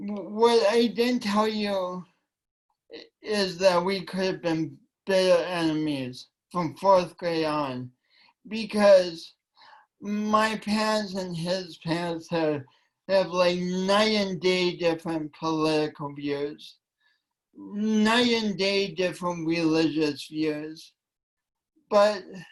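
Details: Dysarthria from cerebral palsy present since birth in a man, which he attributes to oxygen loss from a kinked umbilical cord; it affects his voice and coordination.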